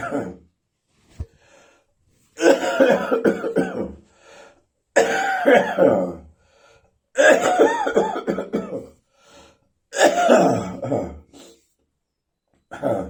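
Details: Chesty, throaty, wheezy coughing: five loud, wet, throaty cough bouts with whistling, wheezy tones, separated by brief pauses.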